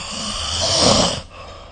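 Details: Snoring recorded with the SnoreLab app during sleep: a single loud, rough, rattling inhalation fading at the end.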